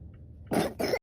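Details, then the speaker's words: Voluntary cough: a child gives two short, forced coughs when asked about school, saying he is not sick, a deliberate fake cough rather than illness. "What you should do when you cough? Wear mask."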